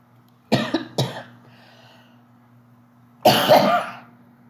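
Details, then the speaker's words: Adult speaker coughs mid-lecture: two quick dry coughs, then a longer throat clearing, over a faint steady electrical hum. "[cough] [clears throat] Excuse me, I sound like I belong at Lowwood."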